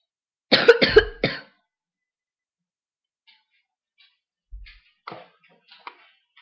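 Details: Sick child with a sore throat who has been coughing a lot, recorded on webcam: a burst of three or four quick coughs, then quiet room sounds.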